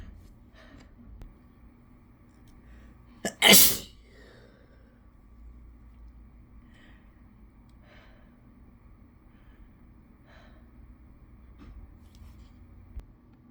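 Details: A quick catch of breath, then one loud, unrestrained, self-induced adult sneeze, followed by quiet breathing in a still room; sneeze.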